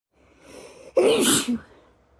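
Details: Quick intake of breath then one loud explosive burst through nose and mouth; a single dusty sneeze.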